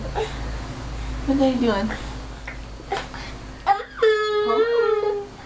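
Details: Infant at dinnertime: brief whimpering cry sounds, then a sustained wailing cry in a small room; an ordinary infant cry.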